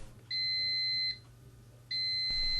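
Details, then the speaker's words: Two steady high-pitched electronic beeps, each under a second, over faint room hum: an Applix Smart enteral feeding pump alarm signalling a kinked or blocked giving set or an empty feed container. "Applix Smart recognises if the giving set is kinked or blocked and activates the alarm."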